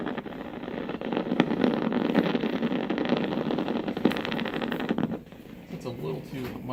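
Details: Needle EMG of the short head of biceps femoris, inserted about three finger-breadths from the popliteal fossa, as the patient bends the leg back against resistance: dense crackling, rumbling and rapid popping, then quieter; motor unit activation.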